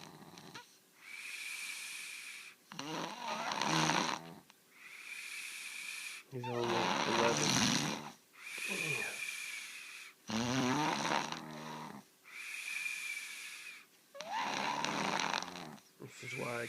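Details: 11-year-old boy snoring all night, every night, often louder than this, with a doctor visit planned: loud, harsh snores on each in-breath alternating with hissing out-breaths, about 16 breaths a minute.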